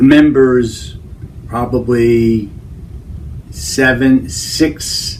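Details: Man with Broca's aphasia, who has difficulty saying the number sixty and reads the digits instead; non-fluent speech, Broca's aphasia.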